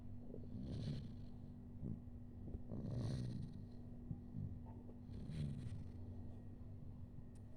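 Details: Soft, low, rattly snoring of an infant (baby), breathing about 27 per minute over a steady background hum.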